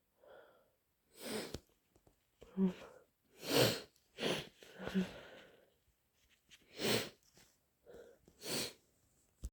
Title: Inducing with a developing cold - Snotty sneezes and blows